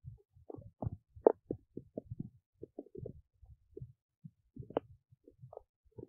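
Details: Belly noises recorded close to the belly while digesting oats: soft, irregular gurgles and pops; ordinary bowel sounds.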